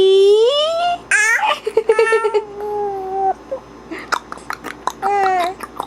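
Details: A 10-week-old baby giggling for the first time: squeals and giggles broken by short, abrupt catches in the voice, hiccups during laughter.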